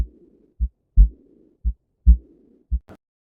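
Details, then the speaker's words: Aortic regurgitation taught as an example blowing murmur: heart sounds at about 55 a minute, each second sound followed by a soft, blowing early diastolic murmur. "ویژگی بعدی سوفله‌هایی هستن که صدای بلوینگ ایجاد می‌کنن. بلوین یعنی وزیدن مثل صدای بالد. سوفل‌هایی مثل آورتیک ریگورجیتیشن صدای بلوینگ"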